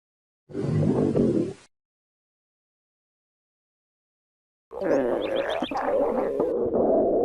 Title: Stomach growling #2